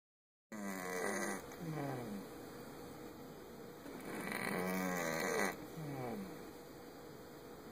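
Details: Snoring after a trip to the vet: slow, rasping snores with falling whistly tones on each breath, about one every few seconds, over a steady background hiss.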